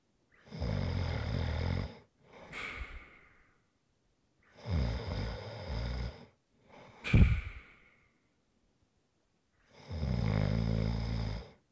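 Loud, rough, low vibrating inhalations alternating with short puffing exhalations, one ending in a sharp snort: snoring.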